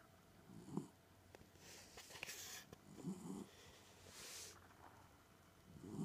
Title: Cooper snores